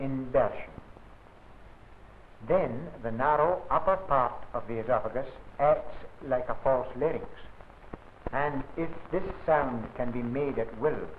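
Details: Adult male narrator; typical speech.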